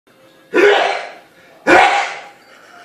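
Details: A father known for very loud, long sneeze attacks: two loud explosive sneezes about a second apart, each with a sharp onset and trailing fade; sneezing.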